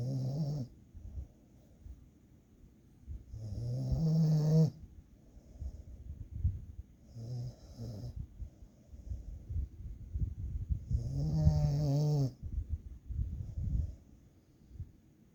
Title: Dog Snoring while taking nep